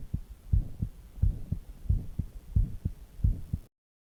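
Regular paired lub-dub heart sounds at about 90 beats a minute, with soft gurgling stomach noise underneath.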